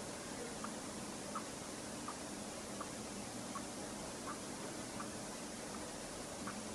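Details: Roborovski hamster snoring asleep in his burrow: faint, tiny squeaky puffs about 80 times a minute under steady hiss.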